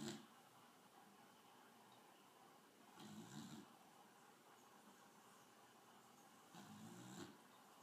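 Soft, rough snoring sounds repeating every few seconds, about 18 a minute, over faint room noise; ordinary sleep snoring.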